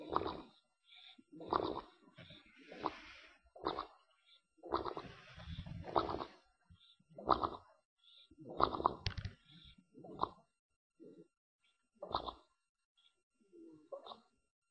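Irregular noisy snorting and fluttering breaths, roughly 45 a minute, from a sleeping dog; snoring from a short-nosed airway.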